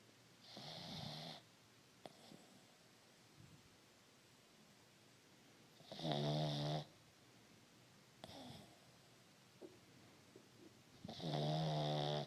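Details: Pug snoring while asleep: slow, rattling snores on each in-breath with quiet out-breaths, about 11 breaths a minute.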